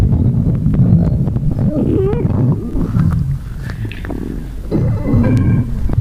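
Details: Low, irregular rumbling and gurgling with a brief squeaky, rising tone midway: stomach growling of an empty stomach (borborygmi).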